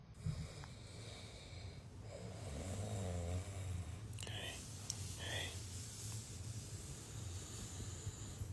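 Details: Sleeping dog snoring: low, rough snorting breaths with a few sharp nasal snorts over background noise.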